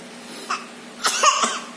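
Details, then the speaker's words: Two short, light voluntary coughs from a young boy, produced on request as a playful imitation cough. "Itu watuk tenan."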